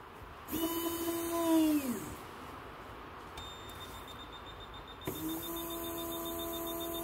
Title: Nobel Biocare Dental Drill and Torque